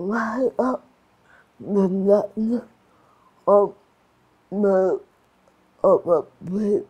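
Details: Adult woman with cerebral palsy and restricted movements; dysarthria (slurred speech) in cerebral palsy.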